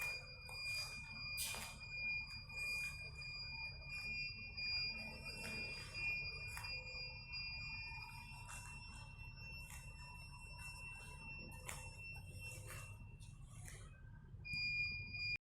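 Steady high electronic alarm tones with intermittent chirps and clicks over low room noise from an ICU ventilator.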